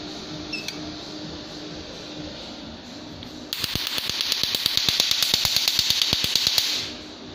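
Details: Nd:YAG tattoo removal laser system (PL532A): steady device hiss, then sharp rapid clicks about three per second, the laser firing.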